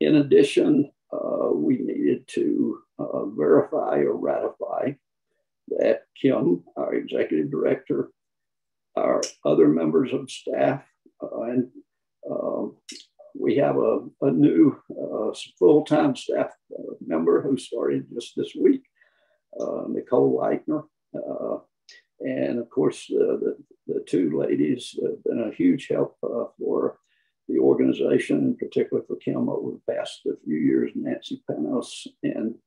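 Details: Man who counts himself among people with spasmodic dysphonia, noting many with it also have other voice conditions; spasmodic dysphonia.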